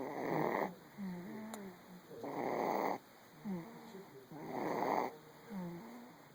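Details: Sleeping cat snoring at about 28 breaths a minute: rough, rattling sound on each breath in, soft whistling squeak on breath out.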